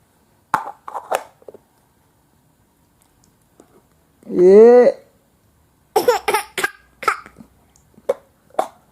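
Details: Young child laughing and squealing, mixed with short abrupt coughs, in a quiet room; cough.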